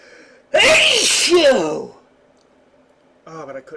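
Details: Adult male with habitually very loud, powerful sneezes he can seldom stifle: one loud, forceful sneeze with a sharp voiced burst, then quiet and a brief breath or murmur; sneeze.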